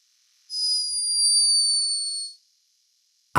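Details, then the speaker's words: High-pitched but unmistakable snore from a sleeping hummingbird, recorded by a scientist in Peru. "high-pitched but unmistakable snore hummingbirds are loved for their beauty and speed but this one was behaving a little bit like a human"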